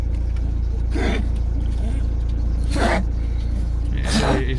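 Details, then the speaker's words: Three short, harsh coughing bursts from an unwell dog with a runny nose, coughing much this week, over steady engine and road rumble in a van; dog cough. "He's not really been well at all this week. You can hear him coughing a little bit now, his nose is running."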